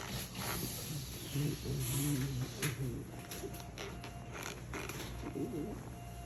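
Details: Vocal tic occurring together with choreoathetotic movement and bruxism, stopped by brain stimulation.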